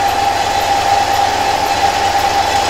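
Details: Steady loud mechanical hum with a constant droning tone from a suction machine during a demonstration of the airway suctioning procedure.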